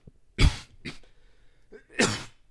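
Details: Cough.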